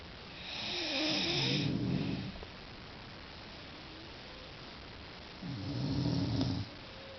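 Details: Ordinary snoring from the first of two people snoring, two rough fluttering snores about five seconds apart over steady background hiss.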